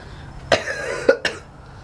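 Three quick, dry coughs close together, the first stretching into a brief hoarse rasp; a cough during a cold.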